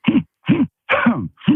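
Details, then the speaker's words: Breathing/vocal tics of an adult police officer with Tourette syndrome, heard over the phone; four short, abrupt voiced throat-clearing grunts in quick succession. "And so one thing that is audible on the phone is your breathing tics."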